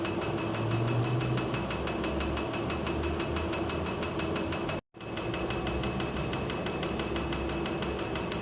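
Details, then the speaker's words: A tattoo removal laser fires on a large tattoo on the left arm during a first removal session. Rapid, regular clicking pulses come about four a second over a steady device hum, with one brief pause. "Well, the laser treatment is finished. Now we're just going to put a band-aid on it and wait a couple of weeks."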